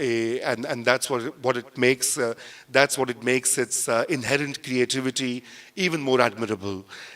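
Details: Adult male speaker; normal voice.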